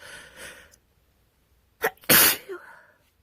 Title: Winter Cold sneezes